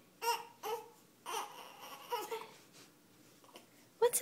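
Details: Infant cry in an infant unhappy with hiccups: short fussy cries and whimpers in a quiet room, separated by pauses.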